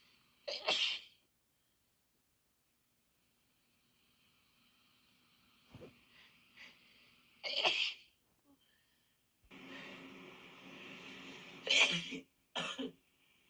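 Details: Four sharp, explosive sneezes separated by quiet gaps and brief rustling, from one of two adults who both have flu; it is unclear which of them is sneezing.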